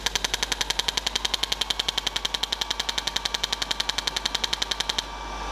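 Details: Rapid, evenly spaced sharp clicking pulses, about twelve a second, stop abruptly after five seconds: a radial shockwave unit firing, head placed over gel on the shoulder region for calcific tendinitis treatment.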